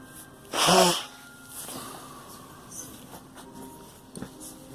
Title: Girl coughing and me